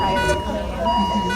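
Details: ICU equipment alarm: a steady high electronic tone with a brief break, over low machine hum and faint background voices.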